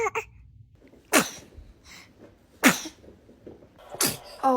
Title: Baby sneezes